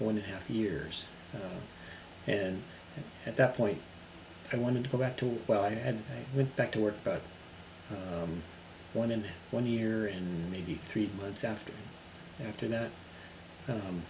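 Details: Adult man recovering from global aphasia who has returned to work: aphasia (recovering global aphasia).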